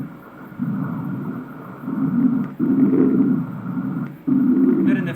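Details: Doppler ultrasound of a soldier, examined standing, with a high-grade varicocele and a high amount of reflux: whooshing venous reflux surges that rise and fall in waves.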